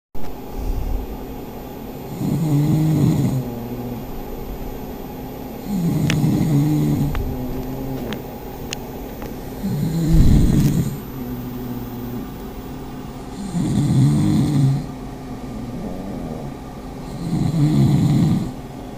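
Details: Loud, rattling snores about every three and a half seconds, around 16 a minute, with steady room hum between, in a pug snoring contest.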